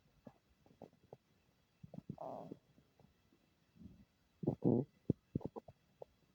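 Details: Stomach making unfamiliar noises: scattered gurgles, pops and a few longer rumbling squeaks in a quiet room; borborygmi.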